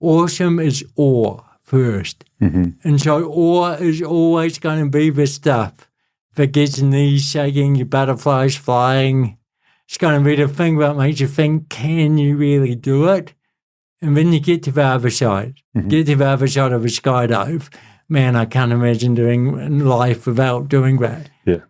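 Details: Adult man with cerebral palsy since birth, a lifelong physical disability affecting the body's movement system, speaking in real conversation; dysarthria.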